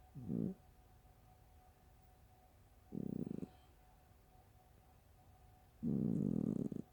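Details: Short, low, fluttering, fart-like rasps about every three seconds, roughly 20 a minute, over quiet room noise: a sleeping cat's snoring.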